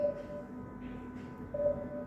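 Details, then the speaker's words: Two short electronic beeps with quiet room hum between: control-panel tones of an operating-theatre electrosurgical cautery unit as modes (bipolar, pure/blend cut, fulgurate, spray) and volume are set during a demonstration. "अगर आपको कुछ भी sound कम करना हो बढ़ाना हो जैसे ये जो कटरी है जैसे हम कुछ भी कर रहे हैं तो आवाज आ रहा है"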